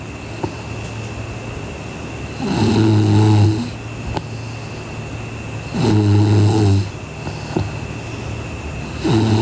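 Loud, rumbling snores on each breath in, about 18 a minute, over steady room hum.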